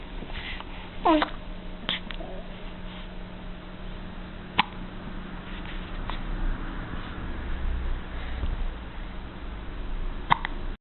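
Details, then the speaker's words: Three short, sharp hiccups a few seconds apart over a steady room hum, recorded in her 5th week; hiccups. "You have the hiccups, don't you?"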